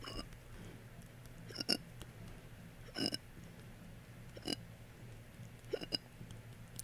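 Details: Hiccups mixed with belching: about five short, abrupt, burp-like throaty bursts, irregularly spaced over seven seconds.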